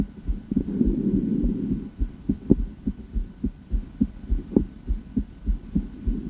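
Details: Female heart auscultated through a stethoscope during a heart tour: steady low thumping heartbeats with a brief rubbing hum at the start. Ordinary heart sounds.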